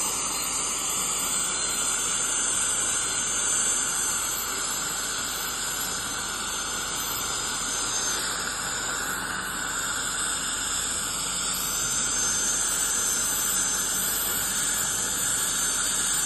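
Continuous high hissing spray with a thin squeal, from ultrasonic scaling and air-polishing during a dental cleaning.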